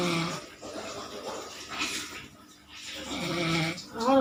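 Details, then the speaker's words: Husband snoring while asleep indoors: rough, rattling noises come in bursts with quieter pauses between them; snoring during sleep. "Husband শুনতে পাচ্ছেন কেমন নাক ডাকছে"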